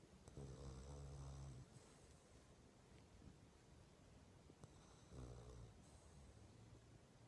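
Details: Female dog snoring in sleep: two low, rumbling snores about five seconds apart over steady background hiss.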